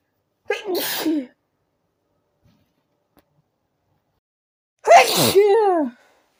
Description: With every sneeze it got stronger, so i needed to let them out.